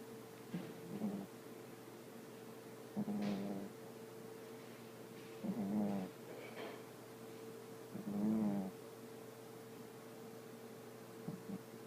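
Soft rumbling, fluttering noises on breaths, about every few seconds, over a steady hum; a dog snoring in sleep.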